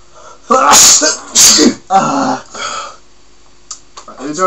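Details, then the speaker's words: Sneezing deliberately induced by sticking homemade paper sticks up the nose: a quick run of three or four explosive sneezes followed by quiet; sneezing fit. "we're going to stick these up our noses up our noses make ourselves sneeze how many times as many times as we sneeze as many times as we can sneeze"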